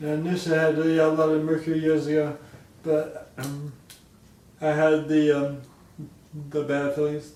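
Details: Man diagnosed with Huntington's disease (chorea) 10 years ago, with slurring speech; his wife works on his speech, and his speech declines if he doesn't run; dysarthria (Huntington's disease).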